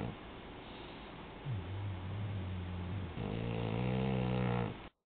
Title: Lil girl snoring.m4v